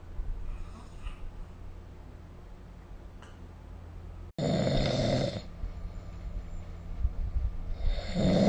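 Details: Snoring recorded with the SnoreLab app: quiet breathing, then a loud rough snore on inhaling, with another building at the end; ordinary sleep snoring.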